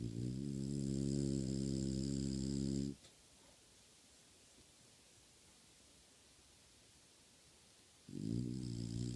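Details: Long, loud, buzzing, rattling snores separated by quiet pauses of about five seconds; snoring.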